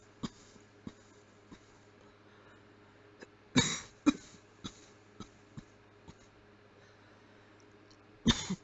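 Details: Voluntary closed-mouth coughing done on request: about three muffled cough bursts among soft throat clicks.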